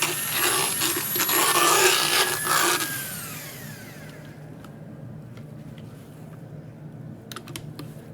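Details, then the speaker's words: Horse about 10–12 years old, power float filing molars; horse biting the handpiece head, stalling it: high whirring motor with grinding that winds down after about 3 seconds. "Try and open him just a little bit more because he's biting on the head of my handpiece, stopping it from working."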